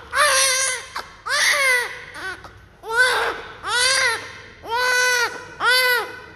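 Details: Newborn crying just after birth, during the cleaning process: loud, rhythmic bursts of about a second each, with strong, clear voicing; a vigorous newborn cry.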